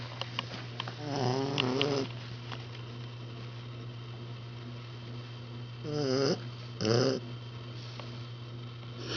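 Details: Boxer puppy, 8 weeks old, snoring while asleep.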